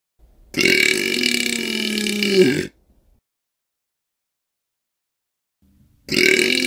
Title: Burping/Belching 1 Minute ASMR - Black Screen #17